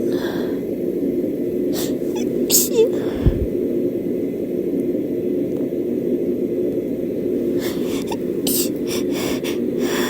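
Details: Person catching a cold with unusually rapid sneezing fits: several sharp sneeze bursts in quick clusters over steady room hum.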